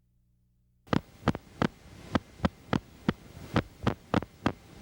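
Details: Needle EMG teaching example of myokymic discharges, the key finding in myokymia-cramp syndrome. Myokymia is seen most often in Isaacs syndrome, demyelinating neuropathy, radiation plexopathy and timber rattlesnake envenomation.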